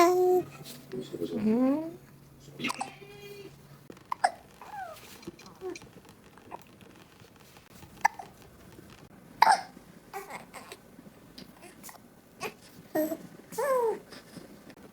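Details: Newborn baby aged 0–2 months with frequent hiccups: short, sharp, irregular catches in the breathing, roughly 40 a minute, with soft baby sounds between them in a quiet room.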